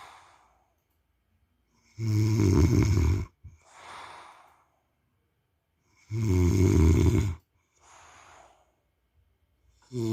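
Loud, deep, rattling snores on each breath in, with a soft breath out, about 15 breaths a minute. Heavy snoring.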